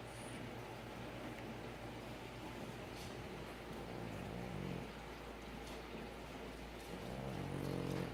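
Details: Steady low snuffling snore in heavy background noise, with rough grunting breaths building toward the end, from a female French Bulldog; snoring.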